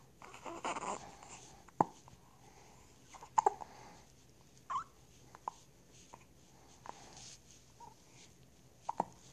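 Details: Hiccups recorded with the phone held in the lips, so breathing is loud and close to the microphone: several short, sharp hiccup sounds at irregular intervals over about nine seconds, with faint room noise.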